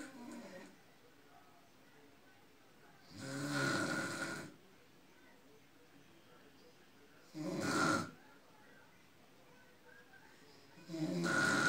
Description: Grandma's snoring silent mode